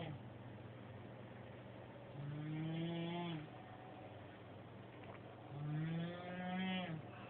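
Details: Heavy snoring: two long, loud, groaning snores a few seconds apart over steady low room noise.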